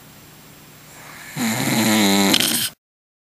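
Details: Adult man (husband) asleep: a single loud, rattling snore on an in-breath, building from quiet breathing and then cutting off abruptly; snoring.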